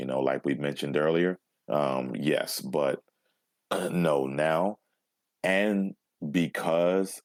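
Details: Overt stuttering with blocks in an adult man who still stutters even when alone, after about 20 years of speech therapy.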